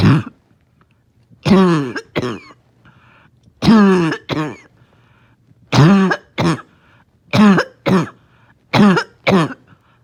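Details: Morning barking cough with wheezing, making it hard to rest; barking cough.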